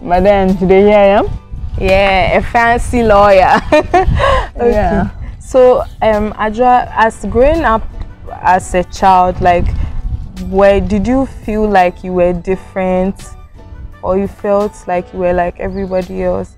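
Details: Adult speakers in conversation; ordinary conversational speech.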